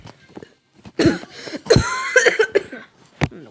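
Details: Cough bloopers: several abrupt, forceful coughs in a small quiet room, with short pauses and a faint voice between; a plain, dry-sounding cough.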